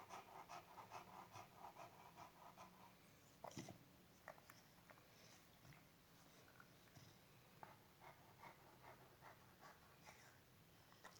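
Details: Female dog, asleep or settling in a small room, breathing in quick rhythmic breathy puffs about 70 a minute, then fading into quieter breathing; panting.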